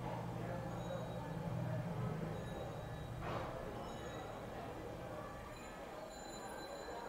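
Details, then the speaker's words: A digital automatic blood pressure monitor's cuff inflating with a steady low motor hum and faint room noise; the reading gives systolic 97. "please relax and don't move we will start to measure now"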